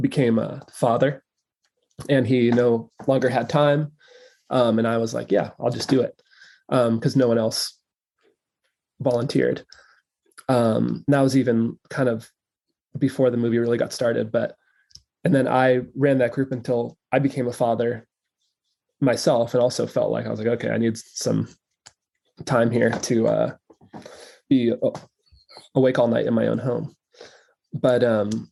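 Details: Adult male who says he stutters, recording left unedited so disfluencies are kept; stuttering.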